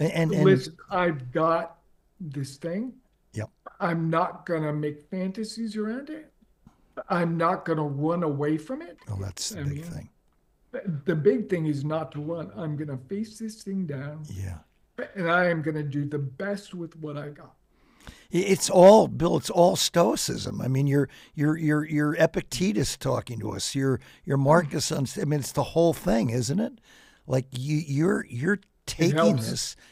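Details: Adult man with late-stage ALS, diagnosed 4.5 years ago, with onset in the right calf spreading upward; it now reaches his neck, causing difficulty speaking and breathing. He speaks using a ventilator. Dysarthria in amyotrophic lateral sclerosis.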